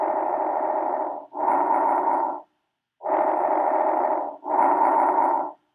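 Two breath cycles, about 20 a minute, with inspiration and expiration of similar length and loudness: normal bronchovesicular breath sounds.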